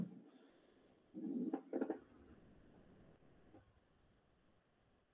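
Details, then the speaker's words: Coarse crackles: a brief burst of low, bubbling, popping noises over one breath, thin fluid films breaking as air enters, indicating denser secretions. "Son los crepitantes gruesos. Involucran para nosotros secreciones más densas."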